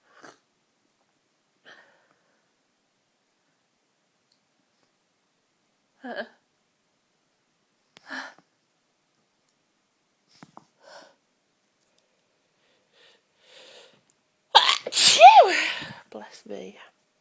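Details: Scattered soft breathy catches and small bursts, then one loud sneeze with a voiced cry near the end, part of a fit of strong, tickly sneezes with a cold.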